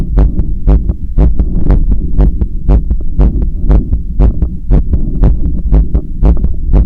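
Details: A loud, fast heartbeat of about 120 per minute, heard through a stethoscope strapped to the person's own chest during resistance-band bicep curls. There is rubbing noise from the makeshift setup; the heart rate is raised by exercise.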